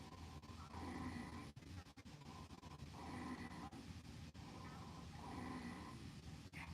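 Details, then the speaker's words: Rhonchi, teaching audio: low, rumbling, snoring-like breath sounds repeating with each breath as air from the trachea and bronchi meets mucus and fluid secretions. "what causes the sound well it occurs whenever air leaves the trachea and bronchus and it hits secretions like mucus and fluid and whenever it does this it creates this snoring-like sound that you're hearing"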